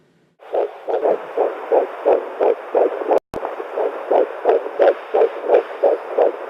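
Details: Home Doppler at 9 weeks of pregnancy: rapid, regular whooshing fetal heartbeat near 176 a minute. High, but normal until about 12 weeks, when it settles between 140 and 160.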